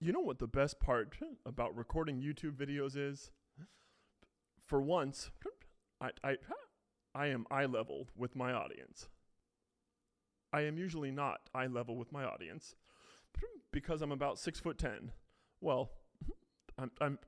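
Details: Adult man with a self-described pretty bad case of Tourette syndrome who says he technically also stutters; vocal tics repeating words over and over; stutter-like word repetitions (Tourette syndrome vocal tics).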